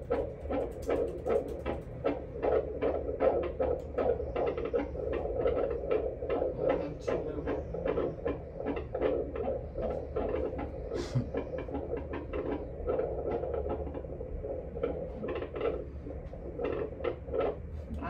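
Fast whooshing pulses from a Doppler, about 155 to 160 a minute, with some music in the background; a normal fetal heart rate.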